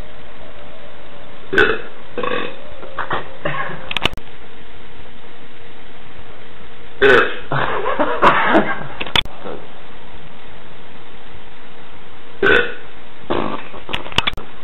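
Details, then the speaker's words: A male's deliberate loud, deep, drawn-out burps, about eleven in clusters over fifteen seconds, with a quiet room hum between them. "And now it's time for amazing bacon burps."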